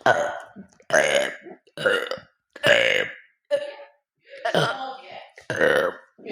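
A run of about seven short, throaty burps in quick succession, each a rough belch of swallowed air.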